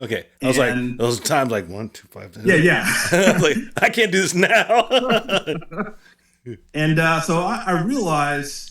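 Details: Aphasia in an adult man attending weekly speech therapy.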